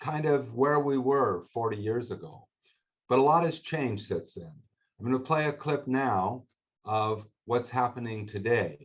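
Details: Adult male speaker; Ordinary adult speech.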